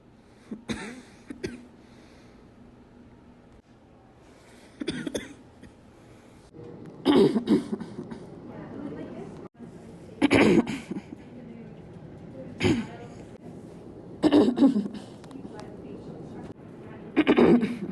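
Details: Person sick with flu coughing: repeated harsh, chesty single and double coughs about every two to three seconds; cough.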